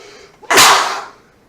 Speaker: I gotta sneeze.